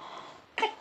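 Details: Single brief, small cough after a soft breathy sound from a feverish infant with a cough and cold; the fever is described as heavy, later easing.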